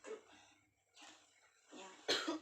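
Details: Demonstration of deep breathing and effective cough technique: breathy exhalations after deep breaths, then a single strong, sharp deliberate cough burst.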